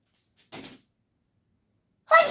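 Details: Sneeze from a woman 12 weeks pregnant, nearly four months: a short breathy burst, then after a pause a sharp, loud explosive sneeze in a quiet room.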